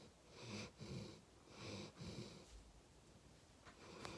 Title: Golden retriever snoring